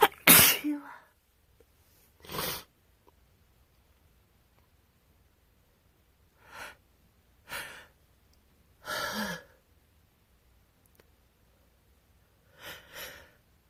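One loud sneeze followed by several softer sneezes and sniffs, fitting sneezing with a cold.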